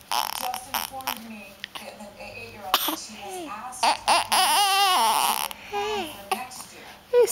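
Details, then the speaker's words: Grumpy baby boy who just had hiccups; a parent thinks he may be hungry and that the hiccups have stopped. Fussy whimpering and crying in short wavering bursts builds to a sustained wail, an unsettled infant's cry. "oh so grumpy oh yeah yeah are you getting hungry h do you want some food food oh yeah a bubble yeah somebody hungry"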